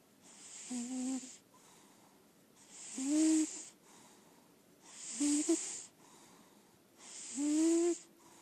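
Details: Senior lilac point Siamese cat, sleeping: loud, tonal snoring on each breath, about 27 breaths a minute, with a softer hiss between; heavy snoring.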